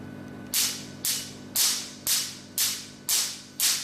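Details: Sharp, regular snapping pops, about two per second, as a Q-switched Nd:YAG tattoo-removal laser fires repeatedly on a person's arm during a demonstration; Q-switched laser firing.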